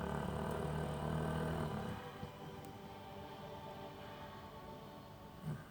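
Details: Chow Chow dog in deep sleep after a bath: a deep, rumbling, rattling breath, then quieter breathing; loud snoring.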